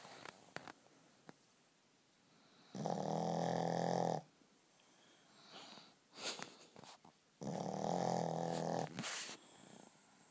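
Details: Shih Tzu dog snoring in its sleep: two long, buzzing snoring breaths in a quiet room with softer noises between them.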